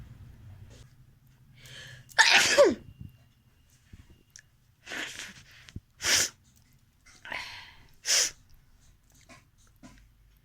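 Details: A loud sneeze with a sharp inhaled lead-in, followed by several shorter nasal blowing and sniffing bursts; ordinary sneezing and nose blowing.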